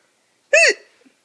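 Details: Woman whose face is turning red while being filmed: a single sudden voiced 'hic' with a quick rise and fall in pitch, then quiet; one hiccup.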